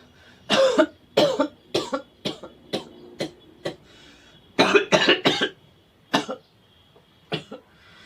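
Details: Acted monologue of cold symptoms: about ten short, sharp, explosive coughs in quick groups; repeated coughing.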